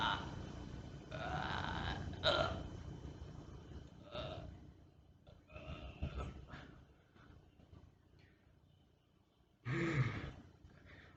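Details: Simulated burping, a person under a blanket making zombie noises rather than real belches: several loud, low, throaty bursts separated by quieter gaps.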